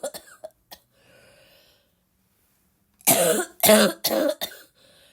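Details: Girl still sick with a barking cough, coughing a lot in a coughing fit: a few faint sounds, then a burst of four loud, harsh coughs in quick succession; cough.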